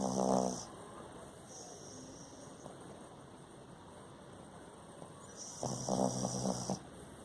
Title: Shitzu- ODIN sleeps and snore